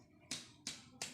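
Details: Tympanic percussion note.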